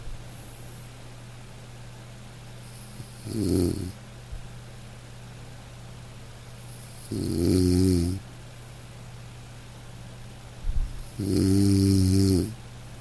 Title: Dog snoring - to fall asleep - light rain - black screen - nature sounds